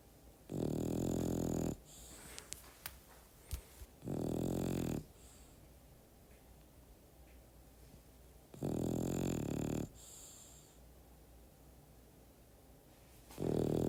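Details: A sleeping French bulldog snoring, mixed with ambient sound: loud, rough, rattling snores, about four in fourteen seconds, with quiet room noise between breaths.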